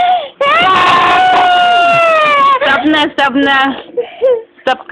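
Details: Young boy crying: loud sustained wailing with broken sobbing catches, distressed after being scolded and told his father will spank him for breaking something; ordinary child crying.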